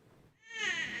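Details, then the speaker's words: Cry of a 6-month-old baby boy heard by his mother: rising after a quiet start, high-pitched and strongly tonal, with faint room noise. "may be just the sound of a baby crying, but to this mother, it is the most beautiful sound she's ever heard."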